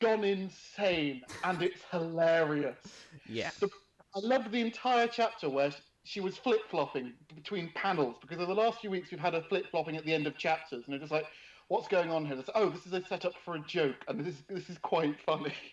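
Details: Adult speaker, casual conversation; ordinary speech.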